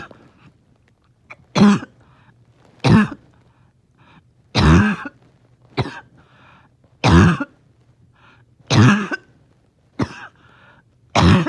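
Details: A dog in the morning, finding it hard to rest, gives a run of harsh, barking coughs, roughly eight in about eleven seconds, with wheezing; barking cough.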